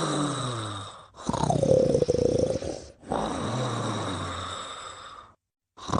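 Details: Sleeping subject (Mimi) with loud snoring: long, rough, rattling breaths lasting a few seconds each over a steady hum in a small room.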